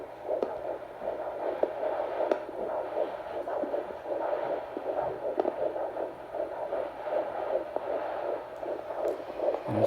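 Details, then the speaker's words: Fast, muffled whooshing pulsations of a fetal heartbeat on ultrasound at six weeks two days of pregnancy in an 18-year-old mother, rate 127 a minute, reported healthy. "I had an ultrasound and I as of March 5th I was six weeks pregnant and the baby was really healthy had a great heartbeat of 1:27"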